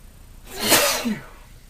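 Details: One forceful, explosive sneeze with a short voiced tail from a man with hay fever triggered by pollen.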